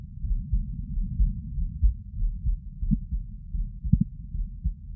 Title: 座り心音～その２かな sitting heart sounds